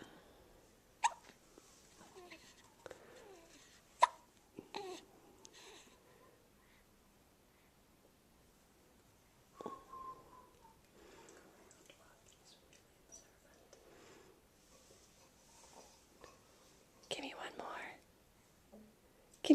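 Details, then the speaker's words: Newborn baby boy awake, having his first hiccups since birth: several sharp, brief hiccup sounds at irregular intervals in a quiet room, with soft voices. "you're totally awake today but listen to your hiccups they're adorable he's singing do it again"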